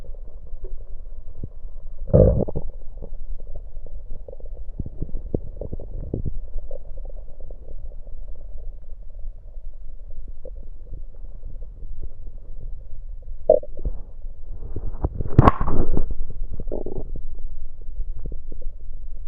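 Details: Stomach recorded with an electronic USB stethoscope while gulping down soda (Coke): low rumbling and gurgling with a few louder gulps and bubbly bursts; bowel sounds.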